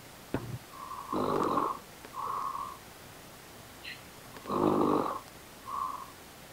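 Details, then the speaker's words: Deliberately loud, fake snoring done for a recording: two loud rattling in-breaths, each followed by a softer breath out, in a quiet room. "David, are you recording? I wanted to like snore really loud, like just like a really loud noise."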